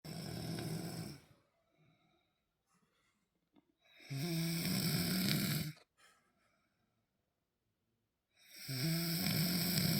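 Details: Wife snoring: three loud, rough, low-pitched snores on inspiration about four seconds apart, quiet exhalations between.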